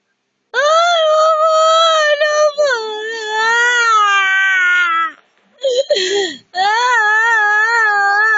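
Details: Baby crying, said to have no milk: long, loud, high-pitched wailing cries with a brief catch and pause between them; infant crying.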